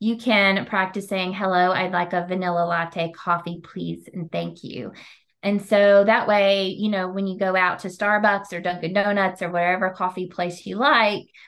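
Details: Adult woman speaking; Normal speech.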